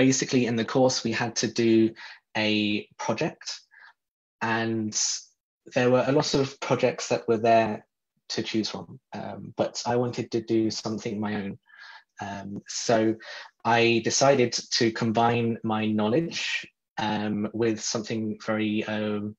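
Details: Adult who describes himself as a person who stutters, speaking in a podcast interview; stuttering.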